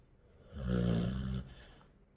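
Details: Sleeping Labrador puppy giving a single low, rumbling snore on a breath; an ordinary sleep sound.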